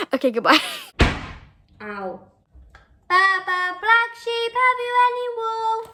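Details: Person with Tourette syndrome ticking throughout, including violent and aggressive tics; vocal tics (Tourette syndrome).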